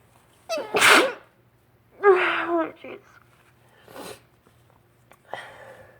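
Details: Spring allergy sneezing, suspecting pollen on a windy March day: three or four forceful sneezes in a few seconds after trying to hold them back.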